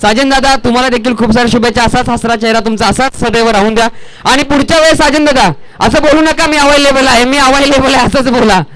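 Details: Adult male speaker (event host); Normal voice.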